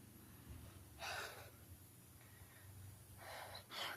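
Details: Adult with a really bad head cold, nose running and stuffy, gives two short, sharp inward sniffs through a congested nose against quiet room noise; nasal sniffling.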